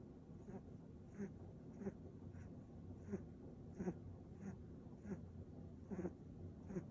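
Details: A sleeping mixed-breed dog snoring softly: regular, quiet snorting snores about every 0.65 seconds over low background hiss.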